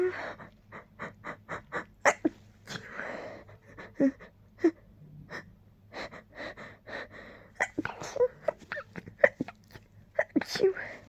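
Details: Tickly nose: a rapid run of many short, sharp sneezes and snorting bursts with quick gasping breaths between; repeated sneezing.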